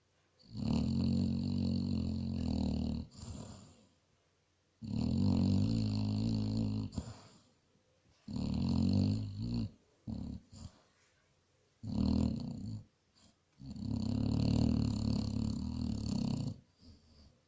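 Deep, drawn-out rattling snores from a dog, roughly every three seconds, with brief snorts between; harmless snoring in sleep.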